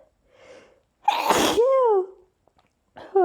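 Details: Ongoing sneezing fit with a very itchy nose, each sneeze announced beforehand: a single sharp, explosive sneeze after a brief quiet lead-in, with a short voiced sound trailing after it.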